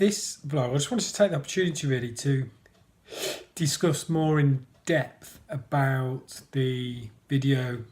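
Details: Adult male who stammers, describing himself as a person who stammers and mentioning blocking; stuttering (stammering).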